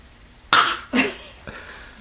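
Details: Young child imitating a cough another child had that day: two short, sharp cough bursts then a faint third.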